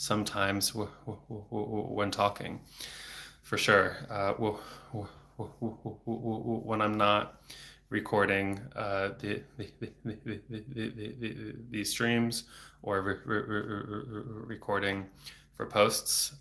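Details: Adult man who has stuttered since age eight, about 26 years, with speech therapy off and on until his early 20s; not using fluency strategies here; he reports blocks with throat tension and frequent repetitions; stuttering.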